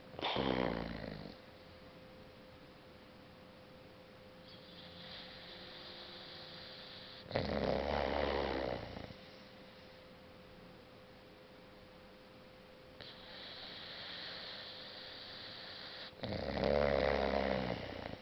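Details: Six-month-old boxer dog sleeping deeply and dreaming on the couch: loud rattling snores on each breath in, about every eight seconds, a slow rate near 7–8 breaths a minute; snoring.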